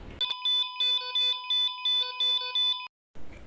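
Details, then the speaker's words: Eight rapid, evenly spaced electronic beeps, about 170 a minute, in a quiet room; heart monitor (electrocardiogram) beeping. "Pernahkah kalian mendengar bunyi seperti tadi? Di manakah biasanya kalian mendengarkan bunyi seperti ini? Ya, ini adalah alat yang namanya elektrokardiogram. Alat ini digunakan untuk merekam ritme detak jantung kita."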